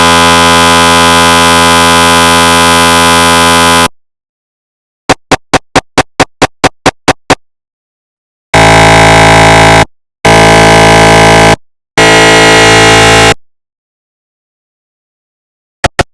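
Loud electronic buzzing, a run of rapid regular knocks, then long repeated droning tones: a recreation of MRI scanner gradient noise.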